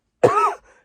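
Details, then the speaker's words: Adult woman with COVID-19, immunocompromised, lungs feeling damaged and breathing harder than normal, coughing a lot: a single short, voiced cough or throat clear with harsh onset and rough tail; cough. "They're a little bit knackered, which is also knackering me because I'm coughing a lot and it's harder to breathe than normal."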